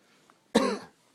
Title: Funny cough